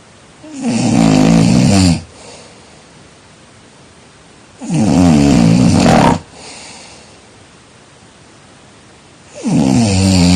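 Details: Regular heavy snoring during sleep: loud, rumbling snores on each breath in, about every four seconds, with quieter breathing between.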